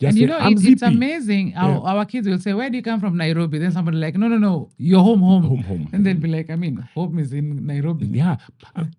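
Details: Adult speaker; typical speech.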